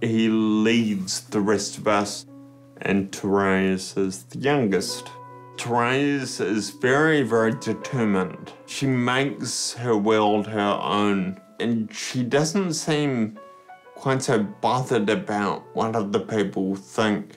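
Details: Man turning 30 with Friedreich's ataxia, a progressive neuromuscular condition affecting coordination, balance and speech. Finding: ataxic dysarthria.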